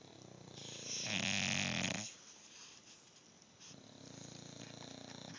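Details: Two sleepers lying together on a cuddler bed, both snoring at the same time.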